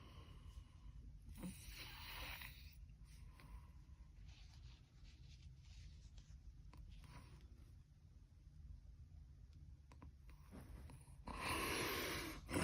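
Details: Snoring from a sleeping person.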